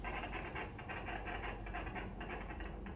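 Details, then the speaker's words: Fetal heartbeat found with a Doppler probe during a teaching demonstration of a prenatal exam: fast, regular whooshing pulses with the typical galloping, horse-hoof-like rhythm, distinct from placental or maternal bowel noise. "Nah, kita lihat, kita dengarkan bahwa bunyi denyut jantung janin itu seperti tapal kuda, gerakan tapal kuda, gini."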